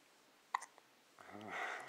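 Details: Hiccups after feeding, which happen on occasion: a single sharp, abrupt hiccup followed by a brief voiced sound over a quiet room background.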